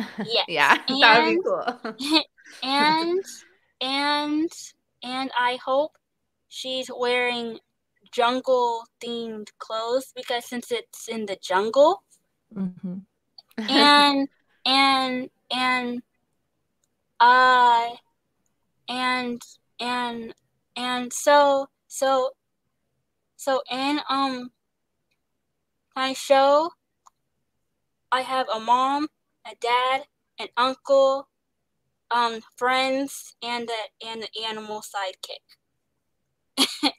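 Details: Young woman actress who stutters, describing pauses, switching words and restarting, and receiving speech therapy; stuttering.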